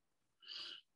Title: Brachycephalic Obstructive Airway Syndrome (BOAS)